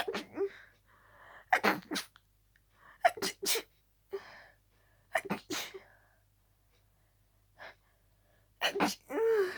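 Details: Person with a cold, whose sneezes usually intensify with colds: a run of harsh, forceful sneezes in close clusters with only quick gasping breaths between them, barely time to breathe; paroxysmal sneezing.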